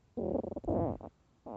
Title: extremely LOUD hungry stomach growls and empty stomach (part 2)